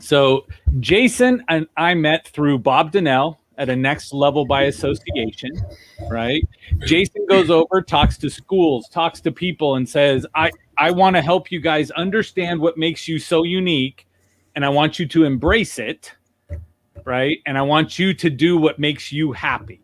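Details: Adult male speaker; typical speech.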